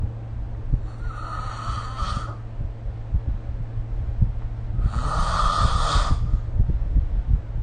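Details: Phone recording of snoring during sleep made with a snoring-tracking app: two noisy, rasping breaths over a loud low rumble.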